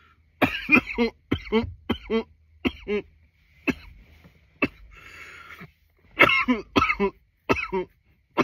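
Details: From nearly 10 minutes of coughing: about fifteen short, harsh coughs in quick runs with brief pauses.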